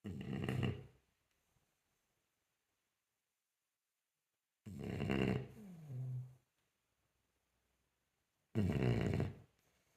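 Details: Loud, rattling snores about every four seconds, quiet gaps between breaths, from a sleeping French Bulldog: snoring.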